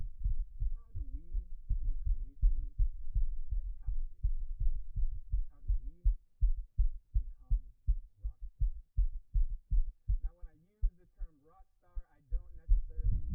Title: Man's Fast Pounding Heartbeat Picked Up By Mic